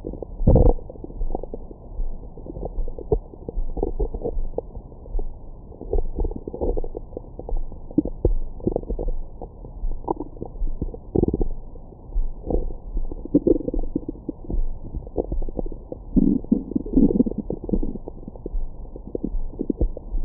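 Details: Abdomen recorded with a Stemoscope stethoscope microphone after a large meal: irregular low gurgles and rumbles; ordinary bowel sounds.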